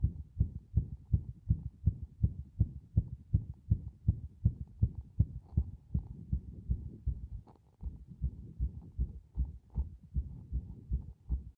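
Fast, low heart thumps that start fairly even, then become unevenly spaced with pauses and early beats, an irregular rhythm.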